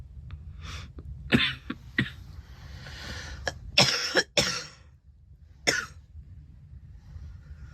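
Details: Deliberately performed coughing by a girl: a series of short, dry coughs mixed with some throat clearing, about eight bursts, not from illness.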